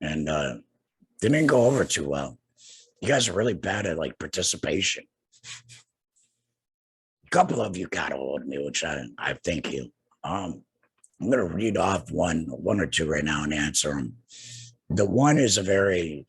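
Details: Adult man two years after total laryngectomy for cancer with radiation and chemotherapy, breathing through a neck stoma and speaking with a tracheoesophageal puncture voice prosthesis and an HME: tracheoesophageal speech.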